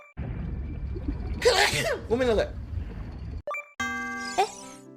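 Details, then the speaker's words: Compilation of VTuber streamers' sneezes: a voiced intake and a sharp explosive sneeze, then a second sneeze, over background music with a chime. "I'm going to sneeze. I'm going to sneeze. Oh my god."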